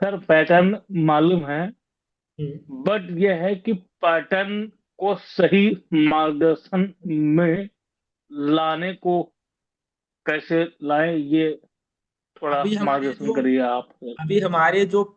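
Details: Speech of a participant in an online stammering cure group session, with word repetitions. Stuttering.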